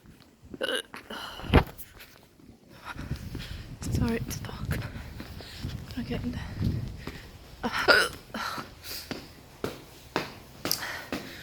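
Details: Adult recorded at 3 a.m. after a friend's birthday party, saying they feel drunk and very tired, hiccuping: repeated short, sharp hiccup sounds in a quiet room with faint background noise; hiccups.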